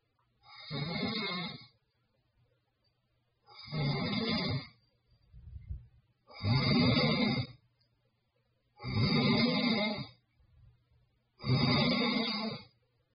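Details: Five loud, rough snores with softer breaths out between them, about 22 breaths a minute; snoring.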